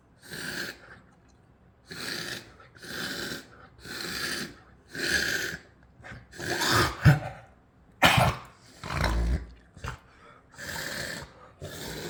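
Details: A persistent cough: repeated harsh, hacking bursts about a second apart, roughly a dozen in all, with some sharper coughs in the middle.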